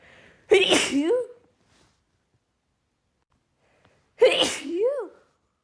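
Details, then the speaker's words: Woman's pollen allergy sneezing fit: two loud, sharp sneezes a few seconds apart, each with a voiced tail; repeated uncontrollable sneezing. "The pollen is really getting to me as you can probably hear."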